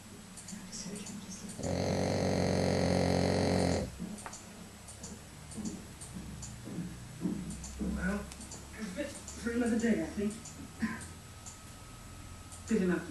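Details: A French bulldog gives a loud, rattling snore on a long breath, then quieter snuffling and snorting breaths, with a film playing in the background; snoring in a flat-faced dog.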